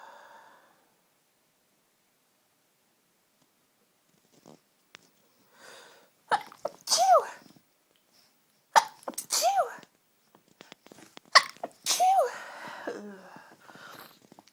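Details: One sneezing fit with a cold: a quiet start, then about five strong, tickly, forceful sneezes in close succession, each with a sharp 'shoo' release.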